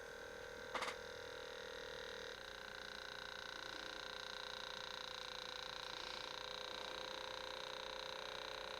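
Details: Button click, then continuous motor whine as an automatic upper-arm blood pressure cuff inflates in a home user's review; the reading was 154/94, which the user calls high.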